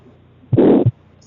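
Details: Newborn baby, cardiovascular examination: a single heartbeat with a loud, harsh rushing murmur filling the gap between two low heart sounds. This is a pathological murmur; systolic or diastolic murmurs of harsh quality are labelled pathological.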